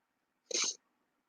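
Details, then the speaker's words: A small caged pet, the father of a litter of babies, makes a single brief, hissy burst; the owner is unsure whether it is sneezing or coughing. "When I watch him, he looks like he's sneezing or coughing."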